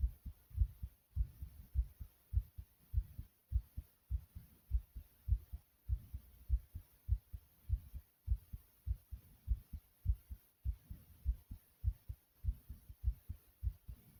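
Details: Pounding heartbeat of the uploader's own heart: strong, regular, forceful low thumps at about 100 beats a minute.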